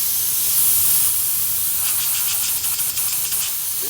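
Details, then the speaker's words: Oxygen flowmeter screwed into the green wall oxygen outlet in a medical gas therapy lab; steady high-pitched hiss of gas rushing through once flow is turned up. "okay once I have a screw in I can then turn up the flow"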